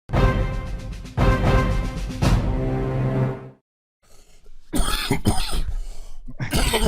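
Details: Music, then a short cluster of harsh adult coughs after a brief silence, coughing live on stream.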